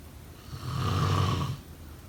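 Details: A single low, rattling snore during sleep on an in-breath, lasting about a second, against quiet room noise: snoring.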